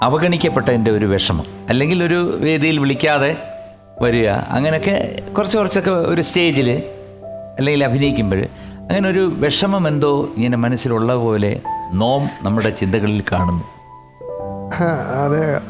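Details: Adult speaker; normal speech.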